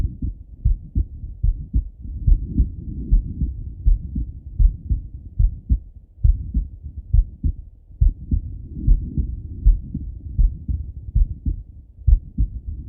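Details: Male lying on left side, stethoscope heart auscultation: clear paired lub-dub heart sounds, roughly 75 beats a minute, steady rhythm; normal heart sounds.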